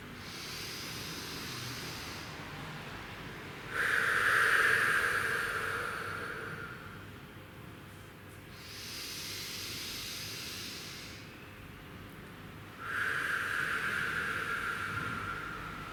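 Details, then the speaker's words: Deep breathing exercise from the Active Cycle of Breathing Technique for airway clearance, led by a physiotherapist: deep breaths in through the nose and long, steady exhalations out through the mouth, repeated 3 to 4 times. "You return then to the deep breathing. So you go back to taking nice deep breaths, really aerating the lung fields. So breathe in through the nose and exhaling long and steady out through the mo"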